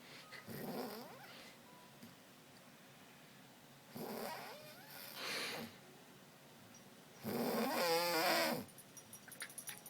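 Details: Mother in deep sleep snoring: three loud, fluttering snores in about ten seconds, each a vibrating inward breath, with quiet pauses between; snoring.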